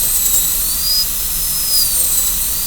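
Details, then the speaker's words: High-speed dental handpiece cutting a DO Class II preparation on tooth number 5 of a practice typodont, following the central groove; a steady high-pitched whine with slight pitch shifts as the burr cuts. "Okay, so if I'm doing number 5 here, the way we're going to start is start with the burr somewhere around in here, and then we're going to follow the central groove"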